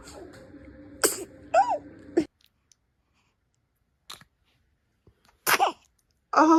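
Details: Sneezing in a newborn baby: several small, sharp sneeze bursts with quiet gaps and faint room noise between them, with crying before and after.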